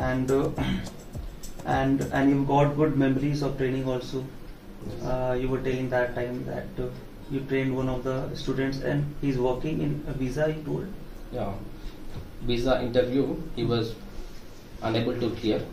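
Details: Adult male speaker; normal speech.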